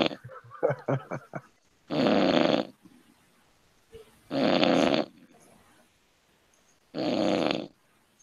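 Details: Three loud, harsh snores about every two and a half seconds from a sleeping person, with some noise and voices before; heavy snoring.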